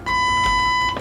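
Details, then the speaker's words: Zoll AED 3 defibrillator (training demonstration on a practice patient): after the pads are placed, the unit advises a shock and everyone is cleared; a steady, loud electronic tone lasting about a second marks shock delivery, followed by CPR prompts. "It's advising that shock is necessary. Before we shock, we want to make sure that everybody is away from the patient and not touching them."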